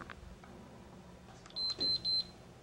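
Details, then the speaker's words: Enteral feeding pump (Infinity) start-up: three short high-pitched electronic beeps in a quiet room as the run/pause key is pressed after connecting the adapter to a child's feeding tube, signalling feeding has started. "To start the feeding, connect the adapter to the feeding tube and press the "run/pause" key."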